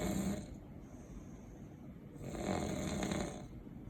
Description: Fresh from spinal cord surgery, I cant sleep because he snoring crazy